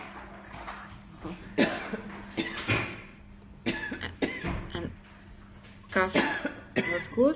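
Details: Clinic patient with psychogenic aphonia and a normal larynx on examination, recorded before phoniatric treatment; whispering, with cough and laugh preserved; psychogenic aphonia.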